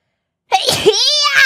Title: psycho sneeze 2 shots